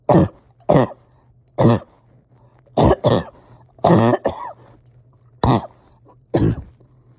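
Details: Person having breathing struggles and a hard time resting or getting comfortable: eight harsh, wet-sounding coughs, some in pairs, with pauses, effortful breathing and a low steady hum behind.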